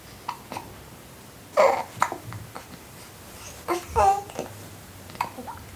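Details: Four-week-old baby boy breastfeeding: soft sucking and gurgling with a few brief, abrupt hiccup-like catches; infant hiccups.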